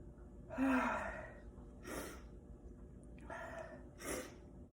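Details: Two sneezes, each a sharp inward gasp followed by a forceful burst of air through the nose and mouth.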